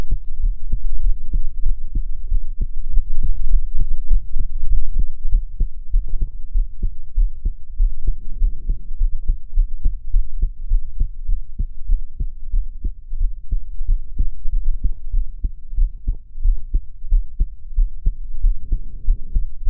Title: My heart sound I'm crying